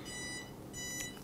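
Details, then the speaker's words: Short repeated electronic alarm tones from the glucose monitor of a college student with Wolfram syndrome, warning of low blood glucose; her phone reads 65. "that's perfect because there's an alarm but our blood glucose is a problem right now so then I have to check on my phone and it says you're 65"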